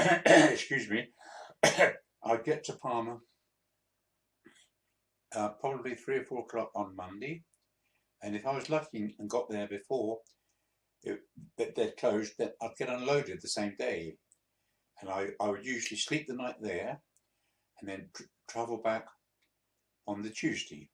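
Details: 82-year-old man, a few months after a mini stroke, with speech he says is still sometimes difficult: disfluent speech with hesitations and word repetitions after the mini stroke.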